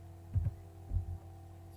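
Low heart sounds with a steady murmur filling systole, a holosystolic murmur typical of mitral regurgitation.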